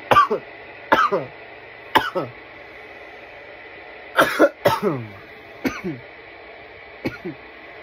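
Repeated harsh cough bursts in clusters, about eight over several seconds, some throat-clearing quality; an irritant cough after inhaling smoke.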